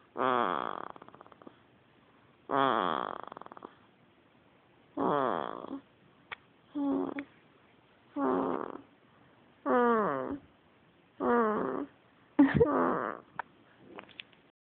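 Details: Eight regular baby snoring breaths, about one every 1.6 seconds, each a short buzzing sound with quiet pauses between; infant snoring.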